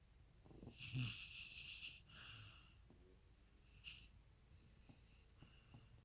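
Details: Irregular snoring breaths with whistling, wheezy noise on some breaths, fading toward the end in a quiet room; snoring.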